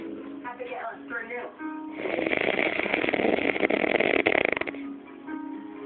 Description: This time he is snoring that fucking hard that his whole jaw and neck gets sucked in and out big time whilst in mid gurn !!!!!!!!